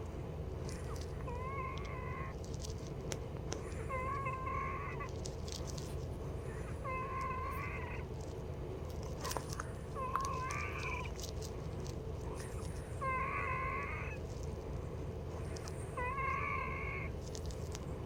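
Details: Night-time wheezing in a female patient around 1:00 AM, before her next nebulized Arformoterol and Pulmicort 0.5 mg treatment; repeated high-pitched musical whistles with each breath, about 20 a minute: wheezing.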